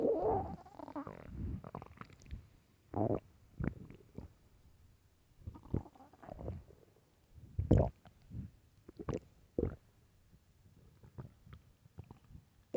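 Low gurgling and rumbling stomach growls come in irregular bursts. These are normal hunger bowel sounds.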